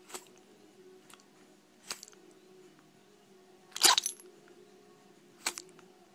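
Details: Cocoa, a female Chihuahua, sneezing repeatedly; she sneezed for about 5 minutes straight, last minute recorded, edited from 4 clips. Several short, sharp, hissing nasal bursts spaced a second or two apart, one louder; sneezing.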